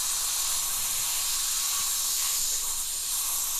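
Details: Continuous airy hiss from a dental air syringe blowing air only, clearing a cleaned cavity with a fracture line in a broken-down lower bicuspid/molar (teeth 29 and 30) under rubber dam, viewed by microscope.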